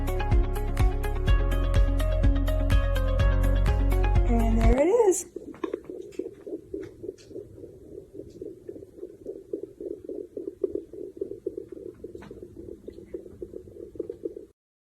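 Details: Fetal heartbeat on a handheld home fetal Doppler with gel during a mid-week pregnancy check: after brief music, a fast, regular whooshing pulse at 156 beats a minute.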